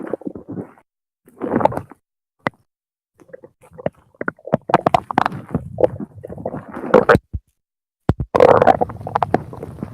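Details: Bursts of squeaky gurgles and rumbling, bubbling sounds with short silences from a hungry 17-year-old male's stomach; hunger-related stomach growling (borborygmi), a normal finding.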